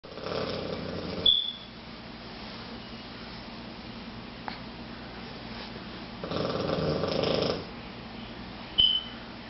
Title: Rufus snoring